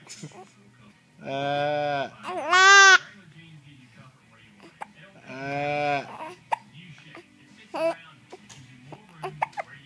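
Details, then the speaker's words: Infant babbling and fussy vocal sounds while talking with his dad, broken by abrupt short gulping catches; baby hiccups. "uh ah he got the hiccups Does he try to talk uh ah you can't talk without the hiccups"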